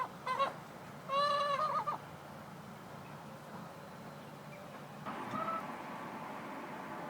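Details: Hen making drawn-out, whining, cry-like calls between quieter stretches, ongoing about 3 days; owner asks whether the sound is normal; abnormal vocalization.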